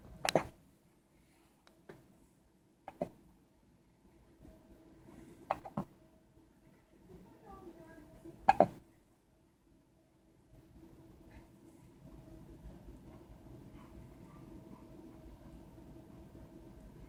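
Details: Hiccups: sharp, sudden, jerking hiccup sounds every few seconds, with faint talk and room noise in the background.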